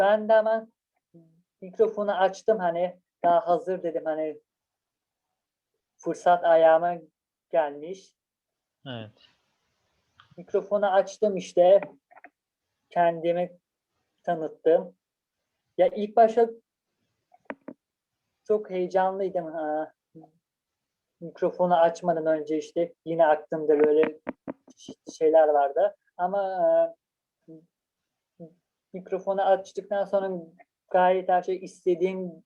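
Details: University student with stuttering in the form of blocks lasting two to three seconds or longer, previously treated with speech therapy (prolongation, desensitization techniques); stuttering.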